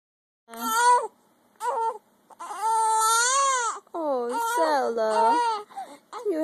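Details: Infant with hiccups, described as angry, cries in loud, drawn-out wails broken by short pauses.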